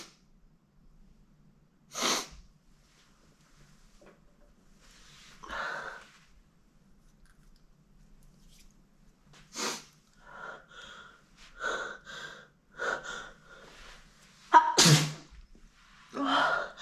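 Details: Girl with a tickly nose sneezing onto a mirror: about five sharp, wet, messy sneezes with sniffs and quick breaths between, in a quiet small room; sneezing.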